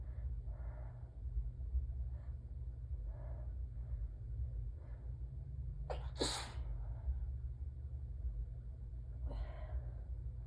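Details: Allergic sneezing fit with a peppermint held in the mouth during the hitching: quick breaths in, then one loud sneeze and a second muffled, partly stifled sneeze over a steady low room hum.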